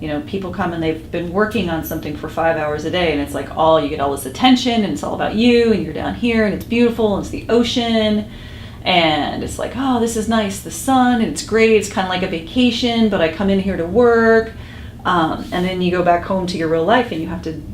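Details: Adult woman, clinician; Normal speech.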